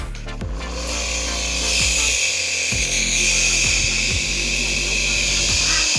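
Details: A home nebulizer running while a toddler with a cough and cold gets medication through a face mask, for about 3 minutes: a steady loud mechanical buzzing hum with a faint hiss of airflow; nebulizer compressor.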